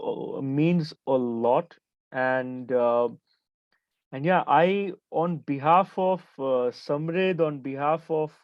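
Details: Stuttering in a 28-year-old man who identifies himself as a person who stammers.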